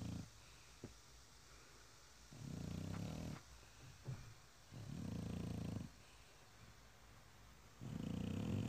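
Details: Loud, rough low snores about one to two seconds long, repeating every two to three seconds, from a sleeping French Bulldog: snoring.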